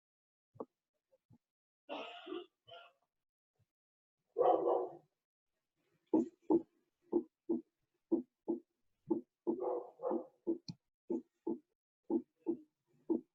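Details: Normal first and second heart sounds (S1 and S2).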